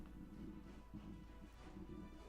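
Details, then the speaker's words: Adult streamer's hungry stomach growling after skipping a snack: a quiet, low, hum-like, gurgling rumble typical of an empty stomach. "You guys hear that? That's my stomach. That's my stomach. I'm hungry. I should have eaten."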